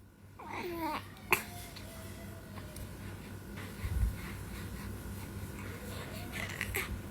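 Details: Four-month-old baby babbles, then gives one short, sharp sneeze over a steady room hum; sneeze.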